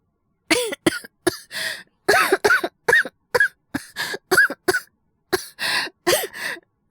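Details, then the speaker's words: Acted, not real: a performer playing an unwell male café staff member (asthma/cold theme) gives a run of about fourteen short, dry, voiced coughs in quick clusters, then apologizes for feeling worse than usual; cough. "、大丈夫。今日ちょっといつもより調子が良くなくて、喋ってる最中にこうなっちゃったらごめんね。"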